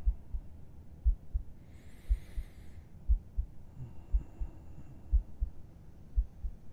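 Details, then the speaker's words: Normal heartbeat heard with listener's head resting on chest, ASMR: soft, regular paired low thumps at about 58 beats a minute, faint background noise. "Is it beating peacefully? It's only because you're here."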